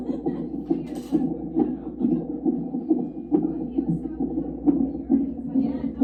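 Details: Fetal heartbeat picked up by Doppler over a pregnant mother's abdomen during monitoring: rapid, regular whooshing pulses at about 136 per minute over steady hiss; normal fetal heartbeat.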